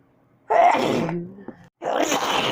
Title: Extremely strong camping sneezes